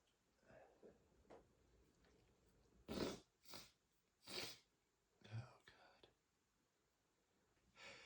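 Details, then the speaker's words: Soft sniffs and breaths, then a few sharp, hissing sneeze-like bursts and snorts after dusting a bookshelf flared allergies; repeated sneezing. "I've just been sneezing so much today. [snorts] I started cleaning and the dust really made my allergies flare up and I just had to stop his teeth."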